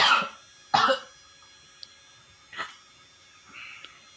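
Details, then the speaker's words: Two strong, forceful coughs followed by weaker throat noises: a 25-year-old man coughing after deep breaths during a nursing demonstration of chest physiotherapy and effective coughing to clear sputum. "Kita lakukan batuk efektif ini berulang kali."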